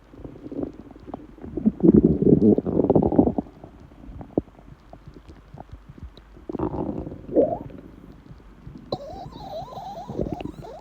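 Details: Borborygmi (stomach growling) from an empty stomach: low rumbling and bubbling gurgles in irregular bursts, with a higher squeaky gurgle near the end.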